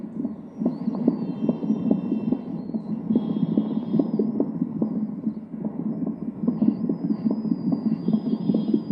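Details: Fetal heartbeat heard on a Doppler fetal heart monitor during pregnancy, analog versus digital device comparison; fetal heartbeat on Doppler.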